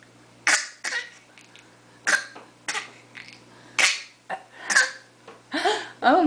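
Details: A 5-month-old baby boy gives a string of short, breathy cough-like bursts on purpose, practising a playful fake cough rather than an illness cough.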